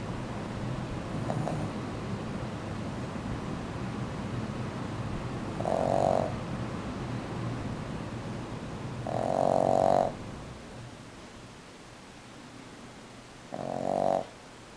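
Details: Snoring during sleep: three loud, rumbling snores several seconds apart over steady background noise.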